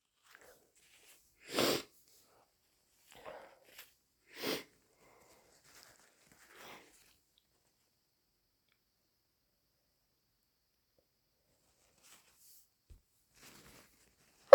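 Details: Induced sneezing after waking with a tickly nose: two sharp, loud, wet sneezes a few seconds apart in a quiet room with faint sniffing, followed by snotty nose blows.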